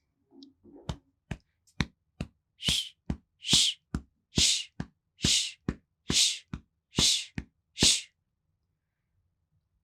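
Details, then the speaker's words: Vocal imitation, not a real recording, of a systolic murmur: heartbeats with a whooshing hiss between each pair of beats, the murmur starting at or after S1 and ending before or with S2. "with a systolic murmur the murmur occurs at or after S1 and finishes before or with S2"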